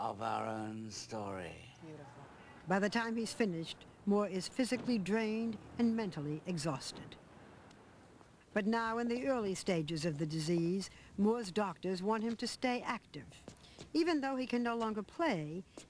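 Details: Adult narrator; normal speech.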